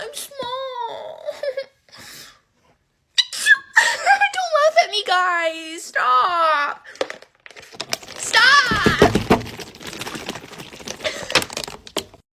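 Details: Acted sneeze by a child in a staged classroom comedy skit: high, playful vocalizing, then a loud, exaggerated fake sneeze with a drawn-out voiced build-up and a noisy burst.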